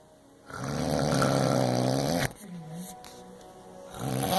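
A loud, rough, rattling buzz on the in-breath, followed by a quieter breath out. Heavy snoring.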